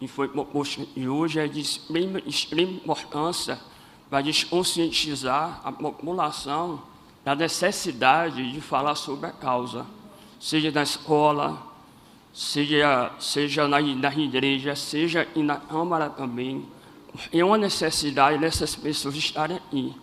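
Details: Adult man with congenital cleft lip and palate, operated at age 5 and again around 18 with seven surgeries in all, speech therapy from age 7 to 17, voice not fully rehabilitated; cleft palate speech.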